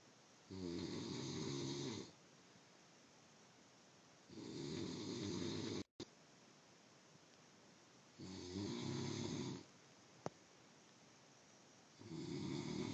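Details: Loud, rough snores on each breath in, about 16 a minute, with quiet breathing out between them in a small room; bed partner says it gets worse.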